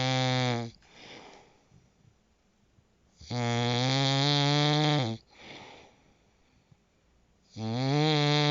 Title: How to sleep. Professional snoring. Zzzzzzzzzzzz. #sleepsoundly #zzzzz #sleepdeeply #sleepapnea